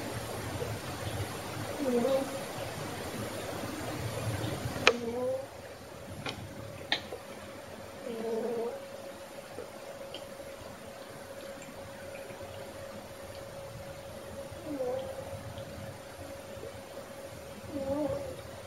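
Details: A sleeping cat makes soft, brief snorting breath noises every few seconds over a steady hum; owner is unsure whether it is snoring or talking in its sleep. Gentle snoring.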